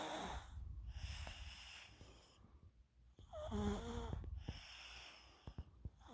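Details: A deeply asleep subject snoring, with noisy, rattling sleep breaths and a brief whistling squeak.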